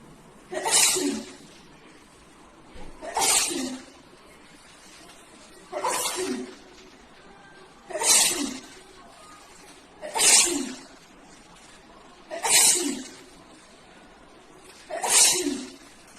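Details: Woman with 18 days of nonstop sneezing, seeking medical answers: seven sharp, forceful sneezes in about 16 seconds at a steady pace; repeated sneezing fits.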